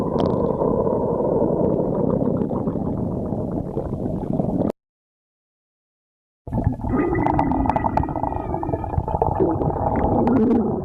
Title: D sides GF stomach growling